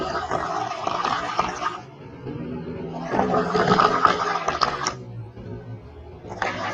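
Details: Very loud, harsh, rattling snoring in long noisy bursts with quieter gaps between them.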